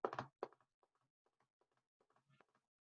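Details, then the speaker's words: Faint tapped triplets after a brief burst of voice, imitating the three-beat 'little horse' gallop of a third heart sound (S3) from the rapid ventricular filling phase. "y el 3er rivers un llenado de la fase de llenado rápido es como un caballito"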